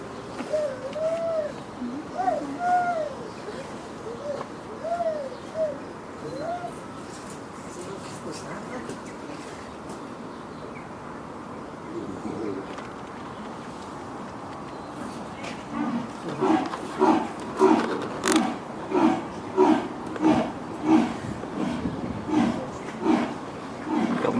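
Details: Cough from a clouded leopard at Edinburgh Zoo, thought to be due to the cold: birdsong gives way to a rapid run of about a dozen short, rough, throaty bursts.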